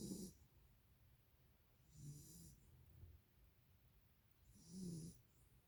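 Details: Rhythmic low rumbling snores with a soft hissing edge, one per breath at about 24 a minute, from a sleeping animal: snoring.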